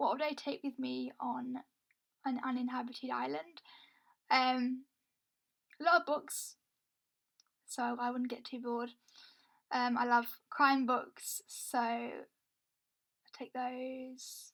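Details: Stuttering in a woman who says she has a stammer.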